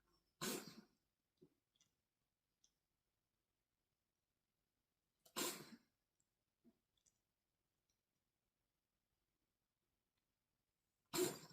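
Three short, harsh coughing bursts from a cat, several seconds apart, with faint small sounds between them in a quiet room.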